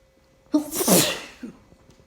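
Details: A single forceful adult sneeze, part of a sneezing fit, with a voiced onset and a loud hissing blast, then a short catch of breath. The weather that day was unusually warm and rainy.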